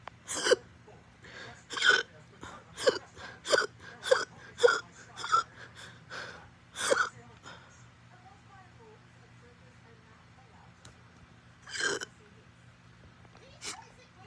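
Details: Extreme hiccups after eating: about ten abrupt hiccup sounds in quick succession at roughly one every half second, then a pause and two more.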